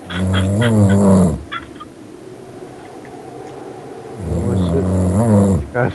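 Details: Young man who fell asleep, genuinely asleep: loud, low, buzzing snores on each in-breath, with quieter breathing pauses between them.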